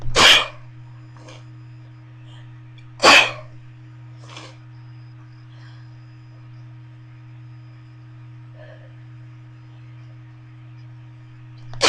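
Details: Three sharp explosive sneezes induced with a bobby pin, several seconds apart, with faint sniffs between and a steady low room hum; sneeze.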